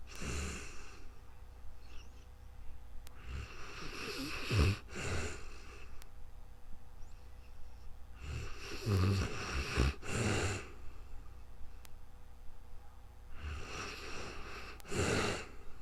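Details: Real-time snoring during calm sleep, recorded with a new microphone: slow breathing with three loud rattling snores about five seconds apart, quieter breaths between, and a steady room hum.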